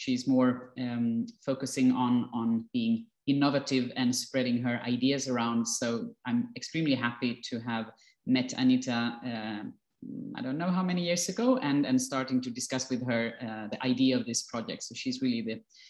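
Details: Adult speaker; normal speech.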